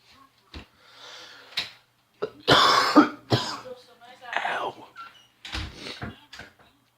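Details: Several harsh coughs mixed with throat clearing and breathy sounds from an adult who says he is sick and has had massive diarrhea this past week; acute-illness cough.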